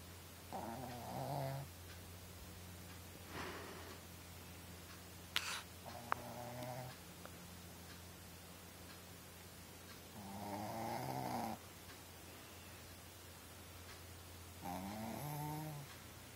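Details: Sleeping puppy snoring: irregular snorting snores, about 14 a minute, over a steady low room hum.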